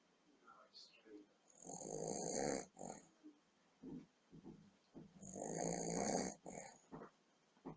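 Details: Elderly grandmother asleep after a big dinner with boozy trifle, recorded by computer webcam: two loud, rattling, hissing snoring breaths about three seconds apart, with softer snuffling between.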